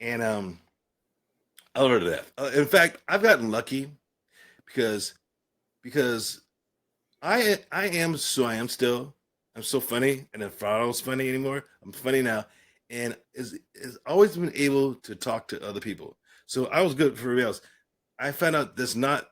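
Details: Adult man with aphasia following a stroke and traumatic brain injury, after a coma and later speech therapy; aphasia.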